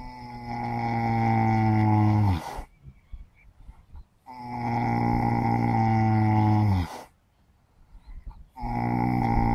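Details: Sleeping horses, one of four napping on a sunny morning, snoring: long, loud, deep rumbling snores with quiet pauses between them, about two breaths heard.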